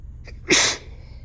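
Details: A short in-breath, then one sharp, hissing sneeze over a steady low background hum, during a failed nap with sneezing that would not stop.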